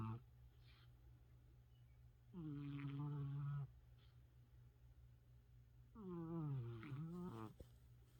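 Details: Two loud, voiced, rumbling snores on breathing in, separated by quiet pauses, over steady low room hum; snoring.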